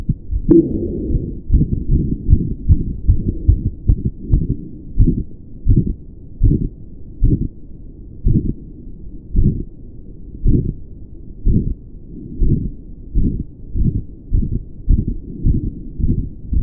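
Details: Male heart recorded at the pulmonic area during pushes (straining): steady heart sounds at about 75 a minute with odd soft extra sounds, especially after releasing each breath; uncertain whether a murmur or a split.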